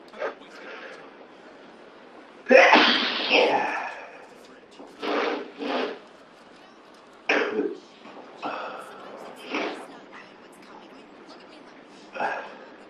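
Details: A person has a sudden, long sneezing fit: a run of explosive sneezes, one very loud, then shorter bursts over several seconds, with TV talk in the background; sneezing fit.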